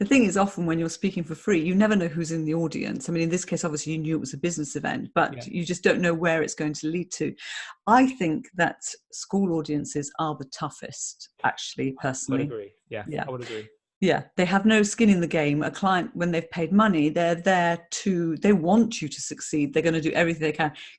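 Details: Adult speaker in conversation; typical speech.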